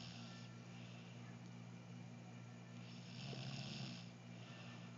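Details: Person snoring loudly: continuous low rattling snore with a louder buzzing breath near the end, heard over a steady background hum; snoring.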